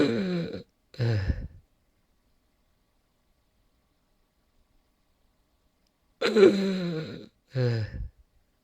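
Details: Real footage of a person in cardiac arrest: two harsh, snoring gasps separated by about five seconds of silence; agonal (terminal) breathing.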